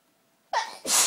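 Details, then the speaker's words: Forceful, violent sneeze after a long tease: sharp intake of breath, then one loud, forceful sneeze. "My sneezes are really violent. I think because the tease for so long, I'd eventually come out and it's such a relief to sneeze."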